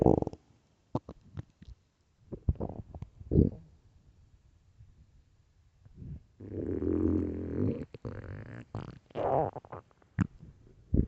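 Low gurgling and rumbling bursts with quiet gaps between them: ordinary stomach growling, normal bowel sounds.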